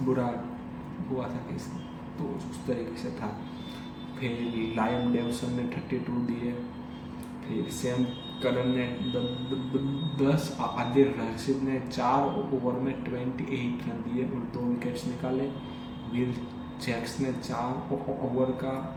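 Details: Adult man with a stammer doing daily fluency practice such as breathing and tongue twisters; finding: stuttering.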